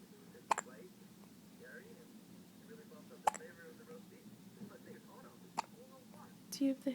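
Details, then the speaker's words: Baby on day 1 with hiccups: short, sharp hiccup sounds repeating at about 24 a minute over soft infant noises and faint background talk. "the hiccups? Poor baby. Oh, did they go away? Oops. Spoke too soon."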